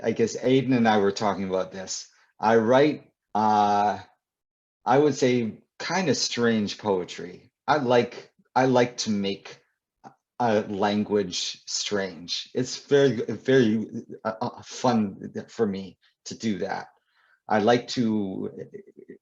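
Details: Adult male poet and author who stutters; stuttering.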